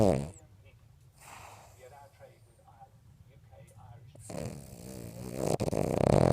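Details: Loud snoring from a sleeping dog: low, rough fluttering breaths rising into louder rattling snores toward the end.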